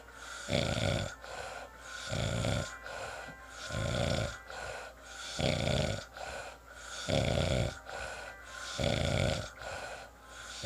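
Loud, rattling snores about every three seconds, roughly 18 breaths a minute, with quieter exhalations between and faint background noise.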